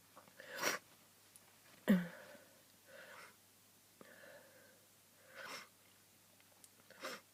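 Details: Repeated sneezing during a cold, over a hundred sneezes that day: several short, sharp "hup" sneeze bursts with quieter breathy in-breaths between.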